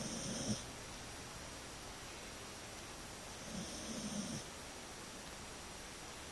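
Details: Two soft, brief snoring breaths separated by quiet, from a sleeping cat; snoring.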